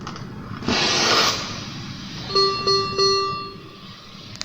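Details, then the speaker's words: Critical care ventilator (COVID-19 training demonstration scenario) low expiratory volume alarm: repeated clear electronic alarm tones signalling low exhaled volume, suggesting leak or disconnection. "this is a third Allah is a low expiratory volume over the expiratory volume low so I will show you a scenario"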